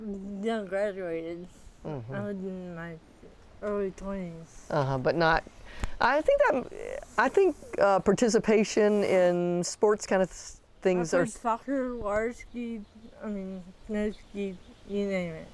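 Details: Dysarthria in a 40-year-old woman with athetoid cerebral palsy, full-body involvement with quadriplegia, moderate-to-severe physical involvement, GMFCS level 3/4, who uses a power wheelchair and a walker.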